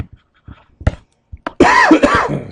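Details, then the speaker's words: Several small throat-clearing bursts, then a loud, harsh, voiced adult cough close to the microphone in a small room, during a lesson: an ordinary cough. "I'm coughing right in the microphone too I'm sure that sounds horrible excuse me"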